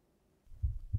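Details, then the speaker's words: Simulated pulsatile autophony in right ear from superior semicircular canal dehiscence before surgery, sitting at rest in a quiet room: quiet room tone, then deep low heartbeat thumps amplified inside the ear. "now we'll start in a normal quiet room sitting at rest the first thing you might notice is the sound of my heartbeat in my right ear"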